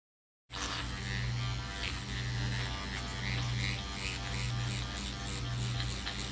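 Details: Self-microneedling of the face with a Dr. Pen A7 (12-pin cartridge, 34-gauge needles) at 0.75 mm on the cheeks, after 5% lidocaine numbing, second treatment: steady low electric buzz with slight pulsing and faint music.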